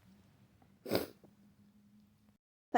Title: Messy flu sneezes